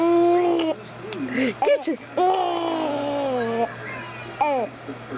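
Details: Infant hiccups while laughing: cooing and laughter broken by a couple of abrupt, short gulping catches.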